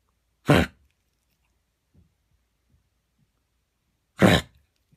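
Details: Coughing fits that began while running in a park and recurred the next morning for about half an hour: a cough every few seconds for minutes, sometimes small spasms, sometimes as if trying to cough something up.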